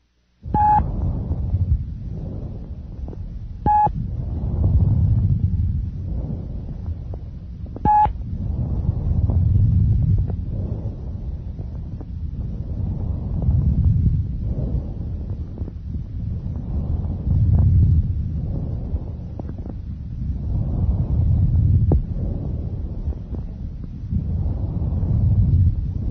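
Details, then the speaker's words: Normal bronchial breath sounds over the trachea, about 15 breaths a minute: loud, high-pitched, harsh, hollow, like air blown through a pipe, expiratory phase louder and longer than inspiratory. "these characteristically loud high-pitched bronchial breath sounds resemble the sound of air blowing through a hollow pipe"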